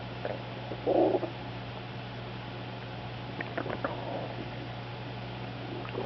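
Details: Dog with SIBO and/or EPI (owner unsure which causes them) has loud gurgling, squelching hyperactive bowel sounds from the belly, plus a chair squeak.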